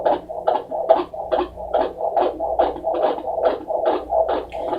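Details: Fetal heartbeat at 39 weeks 3 days of pregnancy on a Doppler monitor: rapid, regular whooshing at roughly 140 beats a minute over a steady background hum.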